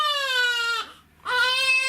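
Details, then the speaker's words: Baby girl crying during chiropractic examination, crying when her body is straightened and stopping when pressure is taken off the joint: two loud, clear, full-voiced infant cries separated by a short breath pause. "if I get the pressure off the joint, Yeah. she stops."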